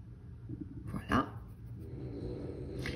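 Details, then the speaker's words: Female dog snoring in the background of a kitchen recording, over speech. "En parlant du menu de base, donc, je vais dézoomer un petit peu. Voilà. En plus, on entend la chienne qui ronfle."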